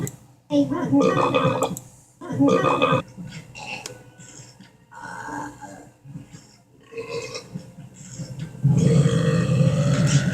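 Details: Cartoon characters (aliens, monster, crocodile and Lilo) burping: several loud, low, rumbling belches with background music.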